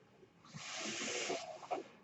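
A rushing hiss of airflow swells for about one second, then fades with a few soft tonal squeaks: one mechanical ventilator breath heard in the background.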